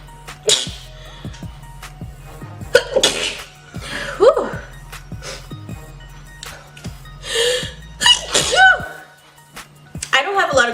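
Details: Compilation of girls/women sneezing: several sharp, explosive sneezes in quick succession with music playing underneath; repeated sneezing.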